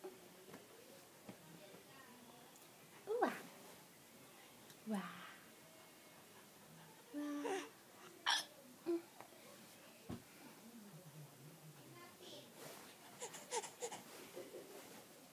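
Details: A young child playing: several short, sudden gulping sounds spaced a second or two apart amid soft babbling, consistent with hiccups.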